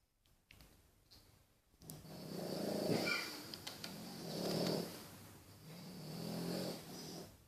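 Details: Synchronized soft, rumbling snores from two sleeping Boston terriers after a long day, about three slow breaths heard over faint room noise; snoring.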